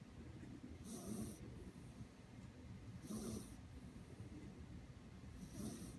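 Quiet, regular snorting breaths about every two seconds, roughly 25 to 30 a minute, from a sleeping small animal; soft snoring.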